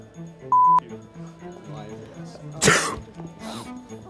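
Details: Single loud staged sneeze aimed at an unsuspecting student as a hidden-camera prank, over background music and a beep tone.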